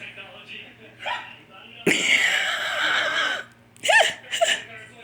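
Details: Adult man's hiccups, described as sounding like a little girl: a few sudden, high-pitched gulping hiccups with background laughter and faint music.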